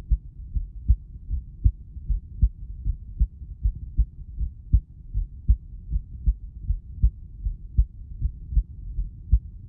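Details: Recorded heart sounds being processed to make them sound better: regular low thumping heartbeat at about 78 beats per minute with a low hum behind it; normal heart sounds.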